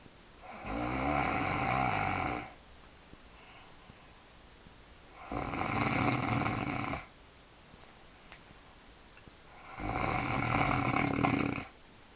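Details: Adult woman snoring in bed at night, falling asleep within minutes and snoring a long time: three loud, rough, rattling snores about every four seconds, roughly 15 breaths a minute; heavy snoring.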